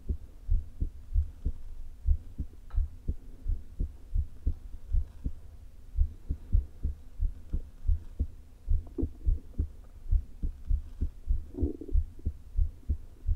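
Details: Irregularly spaced, low heart thumps through a low-placed stethoscope, with a brief stomach gurgle, in a woman with atrial fibrillation and a leaking heart valve, recorded days before her open heart surgery; atrial fibrillation with valve regurgitation.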